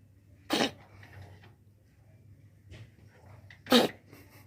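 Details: A cat's cough, which the owner attributes to eating too many house lizards: two short, harsh, explosive coughs with quiet breathing and faint room noise between them; vomiting is mentioned afterward.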